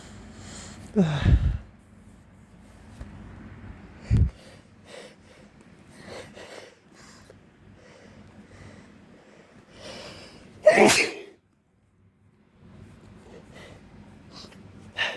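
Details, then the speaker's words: Sneezing after a workout outdoors in spring, with plant pollen suspected and an itchy nose: heavy breathing, a sharp snort-like burst, then a later forceful sneeze. "And I think it's affecting me more. My nose is itching because breathing heavy because I just got done working out."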